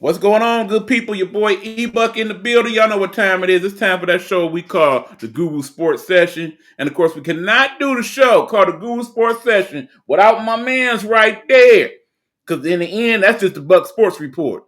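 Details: Adult male speaker; normal voice.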